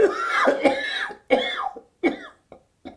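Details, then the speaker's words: Demonstrated huff cough for home sputum collection: deep breath in, then a single strong open-mouthed huff cough out to bring up sputum from deep in the lungs into a specimen cup. "Then a gentle huff cough out. Fourth, repeat this fast small breath in with a gentle huff cough out. Finally, the fifth step is to take a deep breath in, then a single strong huff cough out."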